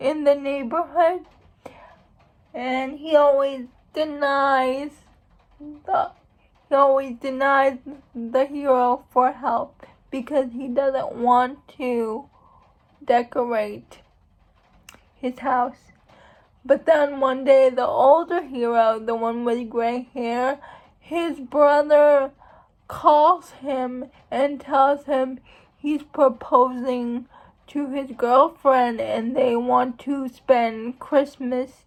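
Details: Dysarthria in an adult woman who states she has cerebral palsy.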